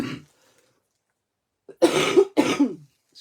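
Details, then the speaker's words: Adult woman coughing a lot since the end of the week: two loud, harsh coughs in quick succession after the tail of an earlier one, in a quiet room. "Désolé mon dou je serai pas très agréable ce matin à écoutez c'est ça depuis en fin de semaine je tousse beaucoup"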